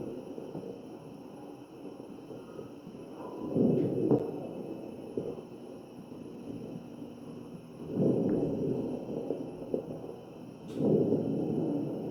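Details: Crackles in a mechanically ventilated real patient's chest, recorded with an AccurSound electronic stethoscope: ventilator-driven breaths with brief popping crackles scattered over the breath sounds.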